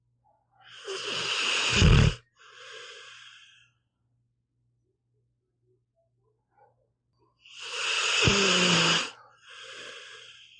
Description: Here is an hour of my pitbull, Meatball snoring. Enjoy!